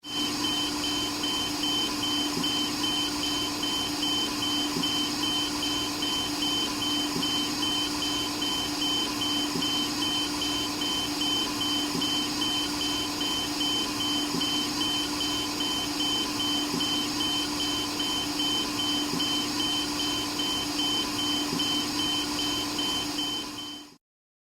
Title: Icu Ventilator Alarm / ICU Ventilator Alarm